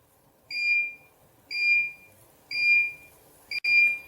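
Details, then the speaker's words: Steady high beeps about once a second, the emission tone of a Soga diode dental laser at 4 watts while cutting red meat in a demonstration, making about a 2 mm deep cut. "Let's go back to our red meat for 4 watts and cut it there once again. Here I can achieve a more effective cut now with this 4-watt power here."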